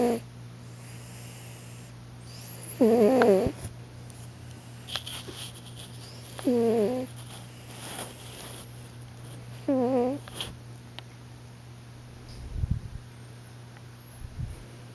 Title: Big Fat Snoring Cat With Face Twitch